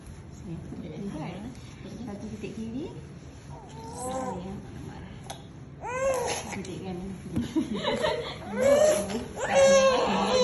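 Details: Infant with first fever, cough and cold, nose suctioned to clear mucus as taught by a nurse; fussing builds into loud, strained crying bursts, adult voices nearby.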